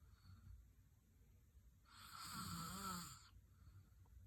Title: Loud snoring 😤